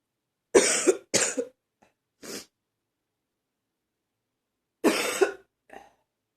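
Short bursts of harsh, dry coughing in quick pairs with quiet gaps; a barking quality to the coughs.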